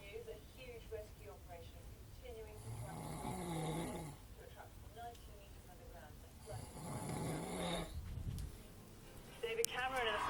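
Two long, rough snores on breathing in, with quieter sounds and a sharp noise between them, in a small room.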